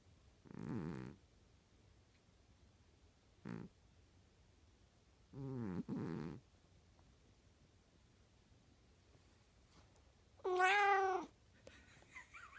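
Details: Snoring in a sleeping pet cat: a few short, soft rasping breath sounds spaced seconds apart in a quiet room, then a brief higher-pitched vocal sound; light snoring.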